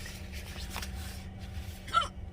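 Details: Woman with hiccups at work: a single abrupt, voiced hiccup over low room noise; hiccups.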